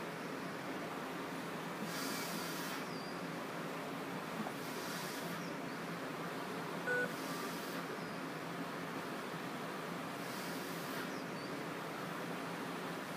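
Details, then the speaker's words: Respironics V60 non-invasive ventilator in BiPAP mode, demonstrated by a person breathing through the circuit: soft airflow surges about every three seconds over a steady machine hum as it triggers with each breath. "so it automatically will trigger on as soon as I start breathing through the through the circuit here"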